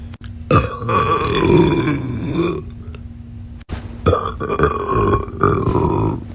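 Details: Two long, low, rumbling voiced burps, the first about two seconds long, over a steady background hum; burping.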